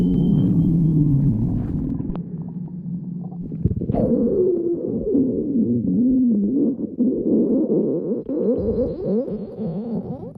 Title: Lemon stomach growling